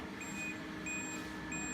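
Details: Therapeutic laser machine beeping at a steady high-pitched interval over low room hum, during Gracey's laser therapy session on the knee (about 13 minutes, around 7800 joules), alongside pain medication for recovery.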